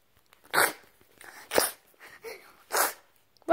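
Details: Baby sneezing: three short, sharp sneezes in quick succession with softer snuffling between them.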